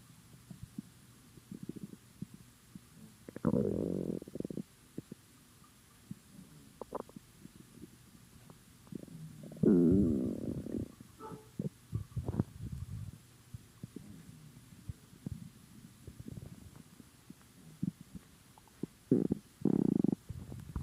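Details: Hungry, empty stomach: loud gurgling and rumbling stomach noises in bursts, normal bowel sounds (borborygmi).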